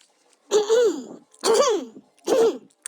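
Three voiced, explosive bursts in a row, each ending in a falling vocal tail; a short run of coughs.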